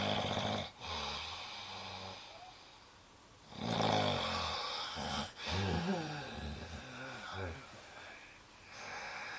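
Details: Walt snoring, with breathing of concern: loud, rattling, buzzing breaths repeating with short gaps; heavy snoring.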